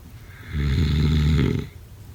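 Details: A single low, rumbling, buzzing snore lasting about a second rises out of quiet room noise and fades again.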